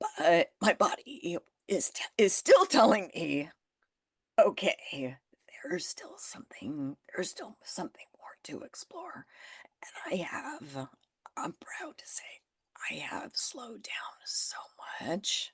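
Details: Adult woman with spasmodic dysphonia that developed after stress and illness, still audible in her voice; managed naturally, declining Botox; spasmodic dysphonia.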